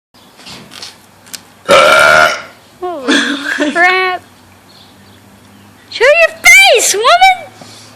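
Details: Girl burping: one loud, long burp followed by voiced sounds and laughter, then further loud burp-like bursts amid talk.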